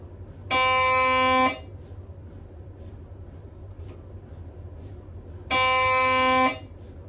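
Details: Loud, steady buzzing tones about a second long separated by faint ticking: Siemens Magnetom MRI scanner noise during imaging sequences.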